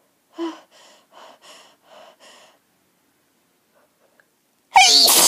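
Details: Person with a cold sneezing: a short series of breathy catching sounds building up, then one loud explosive sneeze.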